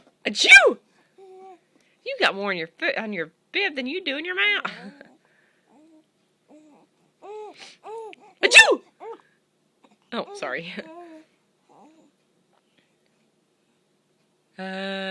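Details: Two sharp, explosive sneezes, with another person laughing at the sneezer between them, in a quiet room.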